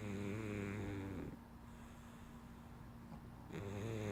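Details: Snoring from a sleeping cat under a blanket; the cat has giantism, also called acromegaly. Low buzzing snore on each in-breath, with quieter pauses between breaths.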